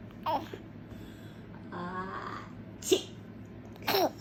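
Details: A 4-month-old baby coos and squeals with laughter in a quiet room as the mother gives short, sharp adult sneezes.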